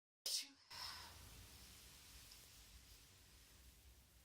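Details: Single forceful sneeze then a breathy exhale from a woman congested on day 2 of a head cold, sneezy after a bath taken to loosen congestion; some nose blowing.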